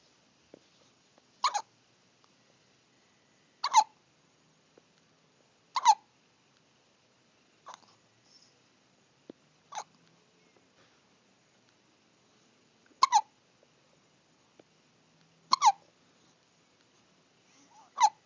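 Sharp, brief high-pitched hics at irregular intervals, about eight in eighteen seconds, in a quiet room: hiccups in a small animal.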